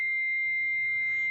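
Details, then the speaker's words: Adult AED in a training demonstration: a steady high-pitched tone sounds without a break while the AED analyzes the heart rhythm of a person in cardiac arrest and everyone stays clear. "make sure no one includ including you is touching the person say clear in a loud commanding voice don't touch person analyzing"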